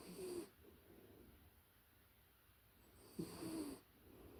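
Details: A puppy in deep sleep, recorded close up: two soft, snuffly snores about three seconds apart with quiet breathing between, ordinary light snoring.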